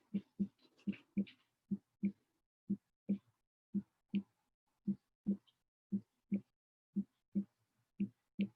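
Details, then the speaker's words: Normal heart sounds, lub-dub, steady paired low thumps at about 57 a minute, produced by closure of the heart valves. "So that is the lub-dub. So I want you to know that that's what's happening. Closure of those valves is what actually changes or makes that sound."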